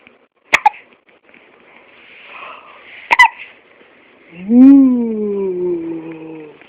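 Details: Two abrupt, sharp hiccup clicks a few seconds apart, then a drawn-out whining cry from a baby; hiccups.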